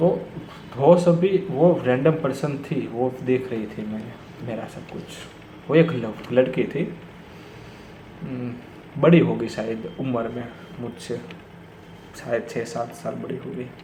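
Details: Stuttering in an adult man speaking Hindi who says he has stammered for many years, worse when talking to his father, with blocks on the 's' sound.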